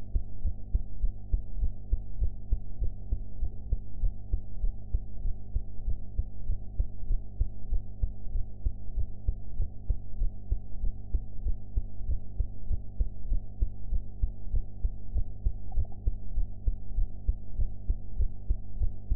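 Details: Own heart sounds recorded after eating, quality enhanced: muffled low thumping under a heavy hum, roughly 98 beats a minute; a fairly quick heartbeat.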